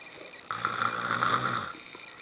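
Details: A single rough, rattling snore on an in-breath, about a second long, in a quiet room; ordinary snoring.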